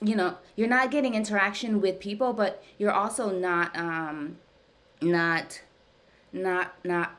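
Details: Stuttering in an adult woman, speaking during a live stuttering therapy session; she reports that ongoing therapy has gradually helped her speech over time.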